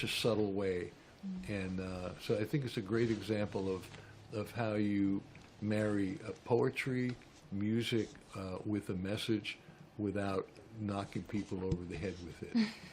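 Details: Adult man speaking; normal speech.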